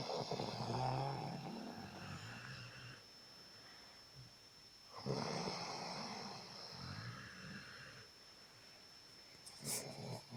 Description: Dog and owner both snoring in bed together.